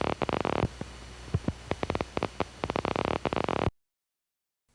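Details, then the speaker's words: Needle EMG with a steady seashell-like hiss and irregular crackling spikes sputtering like fat in a frying pan: normal end plate noise and end plate spikes (nerve potentials). "End plate spikes nerve potential are irregularly firing brief spikes with a sound like the sputtering of fat in a frying pan originating from the nerve endings. Watch and listen to the inplate potentials and inplate spikes or nerve potentials."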